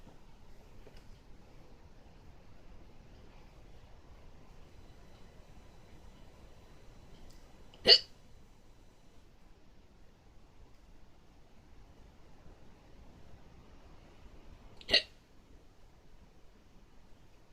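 Two sharp, brief hiccup sounds about seven seconds apart in a quiet room; ordinary hiccups.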